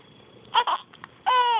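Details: Infant with hiccups and sneezes: brief whimpering cry sounds ending in a short wailing note; infant crying.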